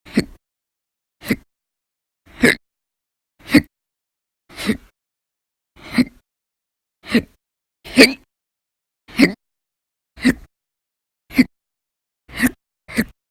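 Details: Persistent hiccups logged November 2019, some episodes lasting hours: short, sharp hiccups about once a second, about 12 in this stretch, with quiet between each, audio only.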